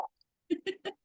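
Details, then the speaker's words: A French Bulldog has a reverse sneeze, three quick, harsh snorting pulls of air, heard indoors with a Pug nearby. "yeah that would be the French Bulldog here having a reverse sneeze is what they call that"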